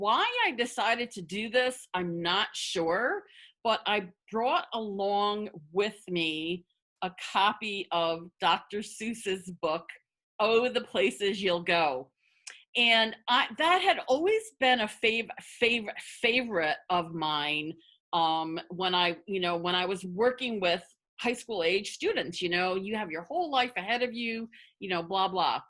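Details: Adult woman who stutters; stuttering.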